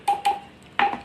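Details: Three short electronic beeps, two close together and one after a pause, from key presses on a Uniwer UMS A12 multiparameter patient monitor while its alarm, key and pulse volume settings are adjusted; an ordinary operating sound.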